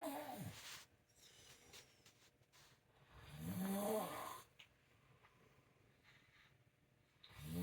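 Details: Adult woman snoring in sleep at 5:25 a.m., loud enough to wake her partner: loud, fluttering snores roughly every three to four seconds with quiet gaps between them.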